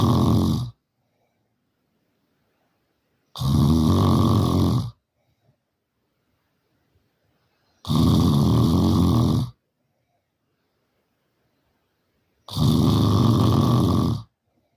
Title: 🤣Loudest Snoring Ever🤣 #snoring #snoringsounds #snoringasmr #snoringtreatment #loud #review #family